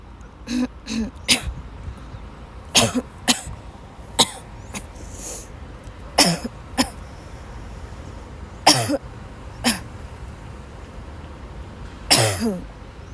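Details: About a dozen harsh, dry coughs in clusters over thirteen seconds with throat-clearing between, from a sick young woman who had to leave class, woke up ill with sore throat; persistent coughing fit.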